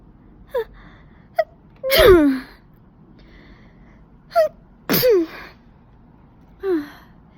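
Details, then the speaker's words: Several sneezes in a row from a woman with severe pollen allergy after going outdoors on a windy, high-pollen day, some forceful and some held back into short stifled bursts. "when I just let my body just go with it and let it get out as many as it needs but other times I just need to hold it because it's too much it's too much pressure on my nose"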